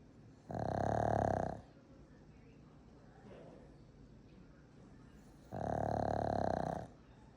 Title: Exhausted Franky Franks… Tony is snoring 💤 in the background, too. ♥️ #pugs #mypug